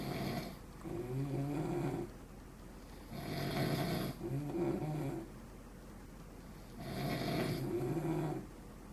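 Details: Two men snoring after 2 a.m., keeping the listener awake: loud, rough, rattling snores on each in-breath, about three in nine seconds, with quiet pauses between.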